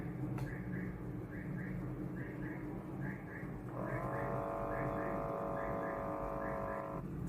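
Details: Digital automatic blood pressure monitor used at home on the upper arm, cuff placed above the elbow while relaxed: steady pump hum with soft clicks, then rising motor whine as the cuff inflates.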